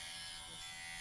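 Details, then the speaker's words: Dr. Pen electric microneedling pen on the forehead, lowest setting, crosshatch passes over acne scars: steady high-pitched electric buzz as it runs over skin; microneedling pen running. "going across your skin when you go more towards the top part of the forehead you can feel the needles a little more intensely and not so bad but again I'm on the lowest setting"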